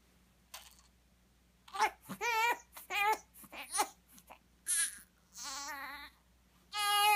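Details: Infant crying while apparently straining to pass stool, then crying again after succeeding: short, strained cries and whimpers in bursts with pauses, building to a sustained wail.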